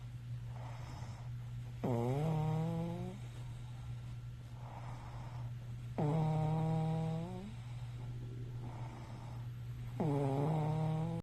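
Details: Snoring: loud rattling snores with a rising tone on each in-breath, about every four seconds, roughly 15 breaths a minute, over a steady low hum.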